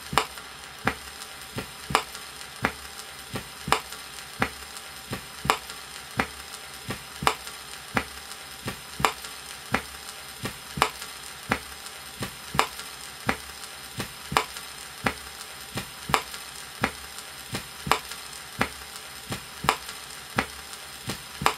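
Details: 1962 Soviet teaching record on isolated aortic regurgitation, heard at the apex: regular heart sounds with a weakened first sound under heavy record crackle.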